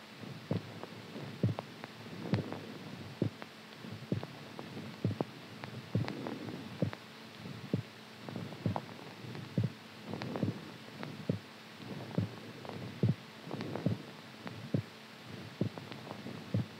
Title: HEARTBEAT SOUND SLEEPING STRONG